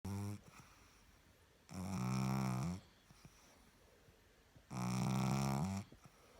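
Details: Sleeping pug: loud, buzzing, vibrating snores on each breath in, about 20 a minute; snoring in a flat-faced dog.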